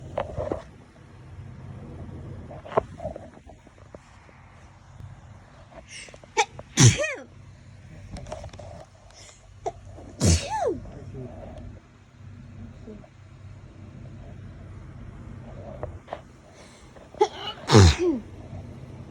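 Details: Autumn allergy sneezing fit: three forceful sneezes with brief wind-ups between quieter breaths, over a steady low background rumble.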